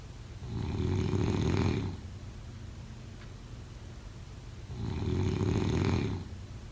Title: Snoring sounds